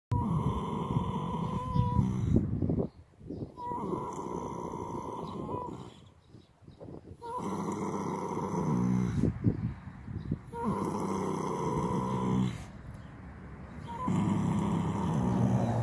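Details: Resting horse lying down: deep, rumbling, uneven snores broken by brief quiet pauses, with a steady background tone; snoring.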